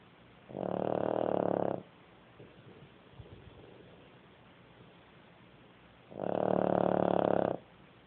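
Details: Two long, loud, coarse rattling snores on the in-breath, about six seconds apart, with quiet breathing between; snoring.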